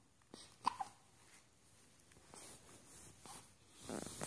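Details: Faint, sharp little hiccup sounds from a one-week-old puppy against quiet room noise.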